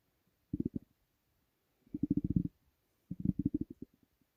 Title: Stomach rumbling (headphones advisable)